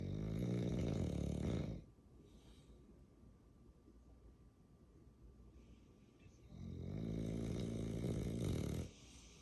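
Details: Two long, loud, rattling inhalations with a quiet pause between: heavy snoring in a sleeping bulldog.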